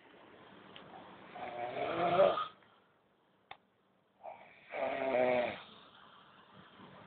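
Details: Old men snoring during sleep, every night, keeping the listener awake: two long rattling snores on breathing in, quiet pause between, about 20 breaths a minute.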